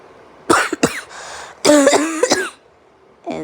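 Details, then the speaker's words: An adult woman deliberately demonstrates the bark part of her voluntary cough sequence: several sharp, bark-like cough bursts with a brief breathy pause between them, following wheezy and suppressed coughs. "And then once I feel like I'm running out of breath, I'll let out like a bark."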